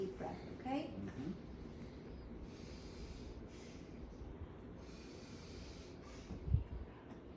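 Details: Slow, audible deep breaths, a few cycles, while a stethoscope is placed on the posterior chest during a head-to-toe assessment; no added sounds, no abnormalities noted.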